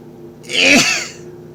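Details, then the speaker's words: A man sitting in a car during his daily sneezing bout, face feeling numb, gives a single sharp, explosive sneeze with a brief voiced onset. "So I'm in the car in the middle of my daily sneezes."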